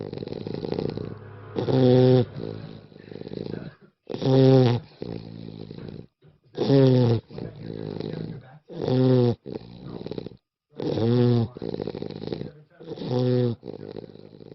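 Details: Rhythmic snoring from Chester, a small adoptable rescue dog, recorded by his foster mom: loud buzzing inhaled snores alternating with softer breathy exhales, about 25 breaths a minute: snoring.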